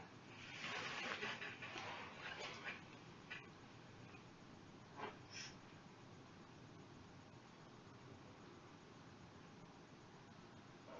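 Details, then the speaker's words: Abdominal auscultation of a female patient with no bowel complaints, listening in all four quadrants: soft irregular gurgles and clicks over a quiet hiss, consistent with normal bowel sounds. "I'm going to take a listen to her bowels and see if she has bowel sounds in all 4 quadrants."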